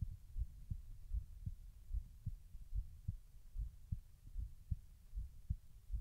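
Soft, regular low thumps of a heartbeat at about 75 beats a minute over a faint hum; normal heart sounds.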